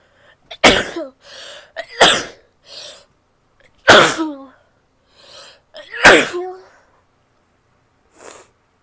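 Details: Female who is sick: four loud, sudden sneezes, each with a sharp burst and a trailing voiced tail, followed by softer nasal blowing sounds.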